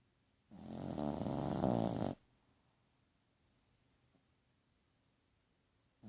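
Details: Dog (Twilium) snoring louder than a human; one loud, rattling snore lasting under two seconds, then a quiet room. Ordinary snoring.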